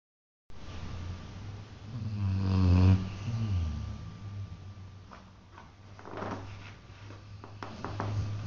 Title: Snoring baby